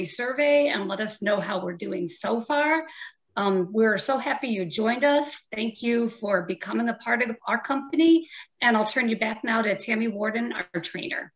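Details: Adult woman speaking; no speech disorder.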